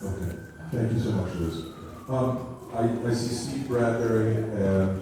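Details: Adult man; normal voice.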